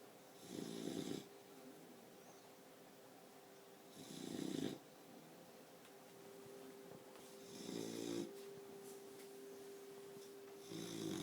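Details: 4-month-old Boxer puppy sleeping: four rasping snores at roughly 3–4 second intervals, with a faint steady hum in the room; snoring.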